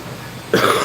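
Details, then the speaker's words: Adult man who says he keeps getting sick in the Philippines, filmed outdoors on a condo balcony: steady outdoor background noise, then one abrupt, harsh cough burst that is cut off at the end. "You can hear me coughing. This is how I am the minute I set foot in the Philly Willy."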